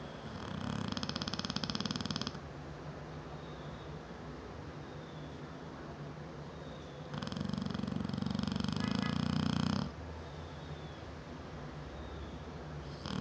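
Two loud, low, rattling snores about five seconds apart, with quieter breathing between them. Dog snoring.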